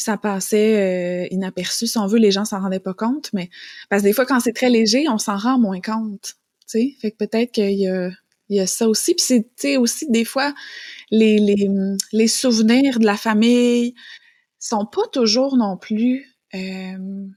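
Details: Adult woman speaking French; normal speech.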